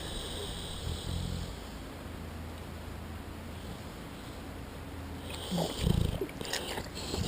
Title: Henry the American Bull Dog Sleeping/Snoring